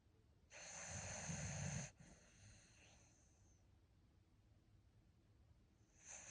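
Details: Sleeping dog dreaming with eyes open: a single loud rattling snort-like snore lasting over a second, then quiet breathing and the start of another; snoring.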